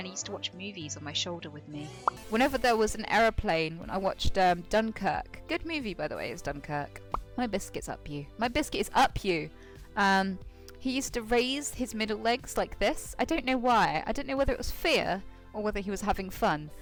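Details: Vocal tics from Tourette syndrome in a female speaker, including a repeated phrase tic produced during ordinary storytelling.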